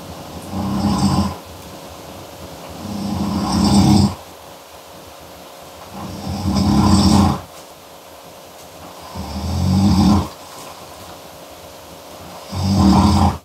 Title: Man Snoring In Other Room [Sound Effect]